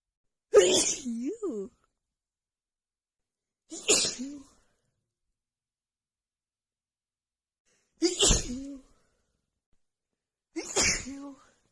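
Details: Woman with a runny nose from cold weather plus dust has a sneezing attack: four sharp sneezes in a row, each a sudden burst with a short voiced tail, separated by quiet pauses.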